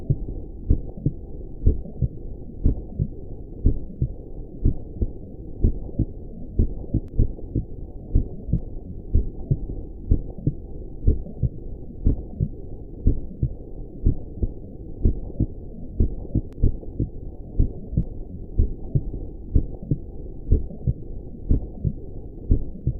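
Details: Steady, regular heartbeat at about 62 beats per minute, with soft low thumps over a constant muffled hum, offered as a soothing sleep sound for newborns; normal heartbeat.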